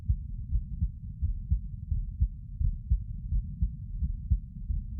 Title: 座り心音～その２かな sitting heart sounds